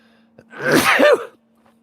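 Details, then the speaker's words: Single adult sneeze announced just beforehand, recorded during workshop door work: a brief sharp inhaled catch, then one loud, explosive voiced burst under a second, with a steady low hum behind. "Oh gosh, I got to sneeze."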